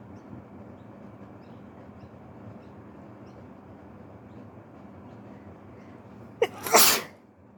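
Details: Wet sneeze from a person with flu, first thing in the morning, sneezes slightly hurting the throat: quiet room noise, then a single sharp, wet sneeze burst near the end; sneezing.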